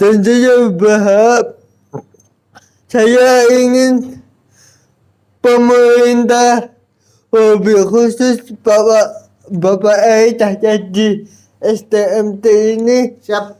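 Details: Adult Indonesian speaker with cerebral palsy disability and intact thinking; dysarthric speech in cerebral palsy.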